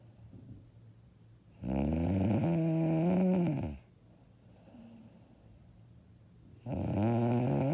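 Two loud, harsh, rattling snores on breathing in, separated by quiet pauses; heavy snoring in sleep.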